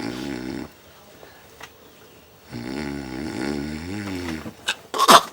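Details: Acted snoring in a Bangla comedy drama scene: a man asleep at night makes two drawn-out, voiced, rumbling snores with wavering pitch for comic effect.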